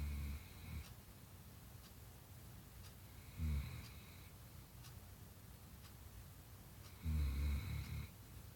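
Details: Snoring from a sleeping subject.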